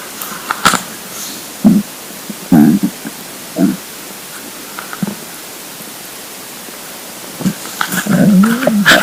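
Several low gurgling rumbles in short bursts, with a longer growl near the end: stomach rumbling of an empty, hungry stomach.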